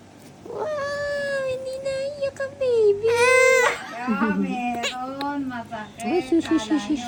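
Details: Loud, high-pitched sustained wails with catches of breath from a baby girl right after her first ear piercing; infant pain cry.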